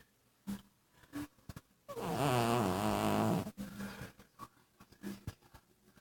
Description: This is a cat snoring